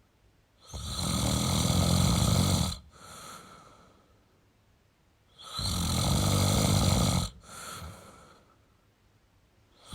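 Loud, harsh rattling snores on each breath in, each followed by a softer snorting tail, about 13 breaths a minute.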